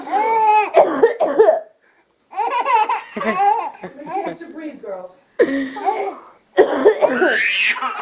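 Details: Abrupt cough bursts from a child, mixed with a baby's repeated high-pitched laughter at the coughing in a small room; plain cough.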